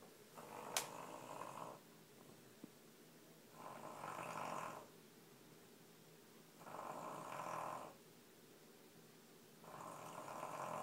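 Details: Sleeping baby snoring: regular rasping snores on each breath, about 20 a minute, with quiet pauses between; snoring.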